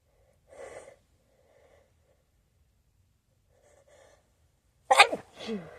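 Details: Staged scenario of sneezing into a new feather pillow the nose seems to react to: quiet build-up breaths, then a single sharp, explosive sneeze with a short voiced tail.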